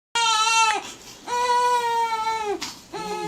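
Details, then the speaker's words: A three-week-old boy cries loudly in long, high-pitched wails with brief breaths between them during a chiropractic visit. He is unsettled for about an hour and a half, straight after a bottle, and his parent calls it an uncomfortable cry. "he's on settled for about an hour and a half after a bottle so he's unsettled pretty much straight after eating yeah Australia it's really uncomfortable cry is that"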